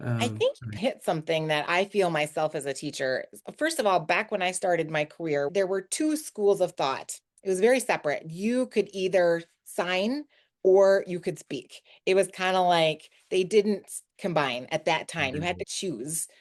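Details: Adult woman speaking; normal speech.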